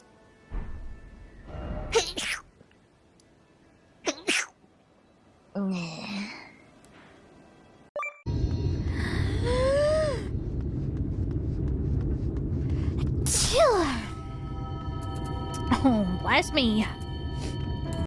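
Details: Compilation of several short, sharp sneezes from different voices (VTuber streamers), some over background music, with snorts and "excuse me"/"bless me" between: a series of sneezes.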